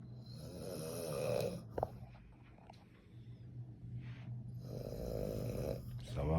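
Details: A man sleeping at night, said to be the speaker's cousin, snoring: two loud, rattling snores on breathing in, with a quiet pause between, over low room hum; ordinary heavy snoring.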